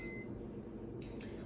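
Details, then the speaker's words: Infinity Moog enteral feeding pump, child's gastrostomy feeds: short high electronic beeps over steady room hum, alarm persisting because no feed is in the line (bag tipped or air), until primed. "it's going to keep alarming until there's food so I always just prime it until there's food back"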